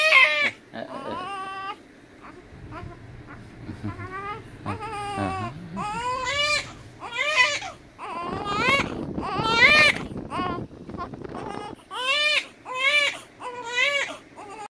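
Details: Baby 25 days old: repeated short, high-pitched cries and wails with some room noise in the background; ordinary infant cry.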